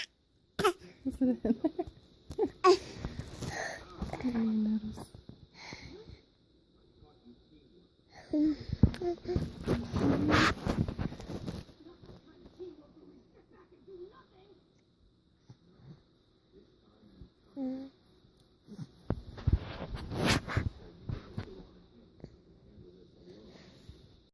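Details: 6-month-old infant faking a cough: short, throaty cough-like bursts and vocal sounds, a deliberate voluntary cough rather than illness.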